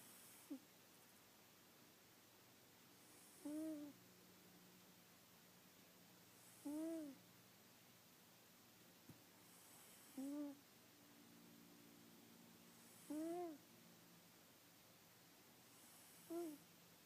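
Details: Brief whistling, squeaky snores at regular intervals, about 19 a minute, in a quiet room during a Saturday nap: noisy breathing in sleep; snoring.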